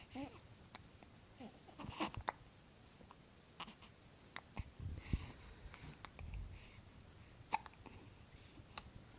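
Repeated sharp, abrupt gulping sounds at irregular intervals, typical of hiccups, with faint room noise between them.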